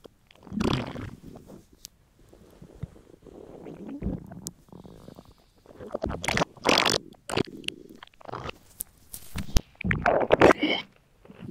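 Irregular gurgling and rumbling belly noises with squelching bursts; ordinary stomach growling from hunger.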